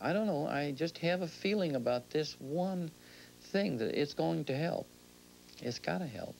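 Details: Adult speaker; typical speech.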